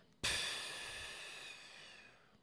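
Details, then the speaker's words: Demonstration of mouth puffing during sleep, an oral expiration in response to stress such as rising CO2 after apnea or micro-apnea, in sleep apnea context: a single sudden airy puff of breath out through the lips. "ok, donc c'est une expiration buccale comme ça et ils ont mesuré le nombre d'expirations buccales de ce type-là en réaction à un stress pendant le sommeil."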